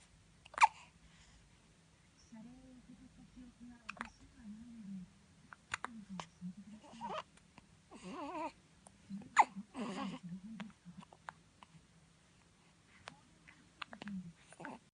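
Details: Newborn baby (0 months old) with hiccups: small squeaks and grunts broken by sudden sharp hiccup catches.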